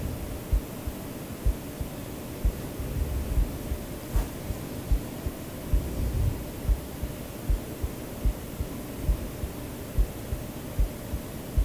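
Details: The person's own recorded heartbeat, heard as steady low thumps at about 60–70 a minute under soft white noise in a sleep-aid recording; a regular, normal heartbeat.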